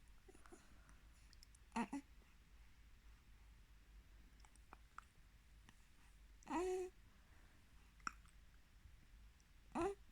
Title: 5 week old with hiccups